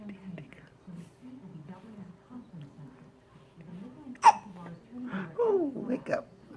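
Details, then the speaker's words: Little boy with hiccups: soft voice and babbling, then a single sharp, abrupt hiccup burst followed by a few quieter catches. "You got the hiccups? The hiccups, don't you? Oh no, the hiccups."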